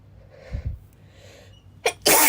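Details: Girl sneezing; a quick intake of breath, then one loud, explosive sneeze in a quiet room.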